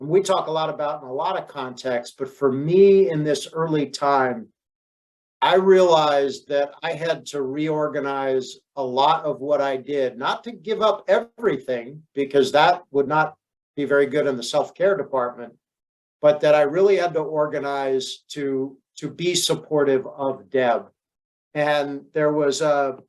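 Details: Adult man speaking; normal speech.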